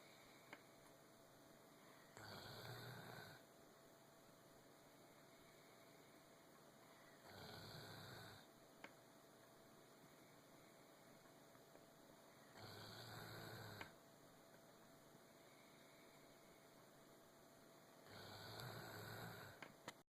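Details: Snoring: four regular snores about every five seconds, near 12 a minute, each a rough low rumble over steady room hiss.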